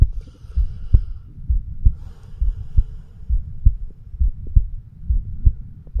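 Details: A 36-year-old male's own heartbeat, recorded with a homemade microphone stethoscope over the bicuspid (mitral) valve area. Regular low thumping at about 65 per minute with a faint hum; normal heart sounds.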